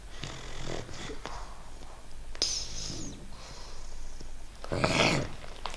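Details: Young English Bulldog puppy with a runny nose snoring: noisy, snorting sleep breaths with wet, snuffly nasal sounds, snoring through a congested nose.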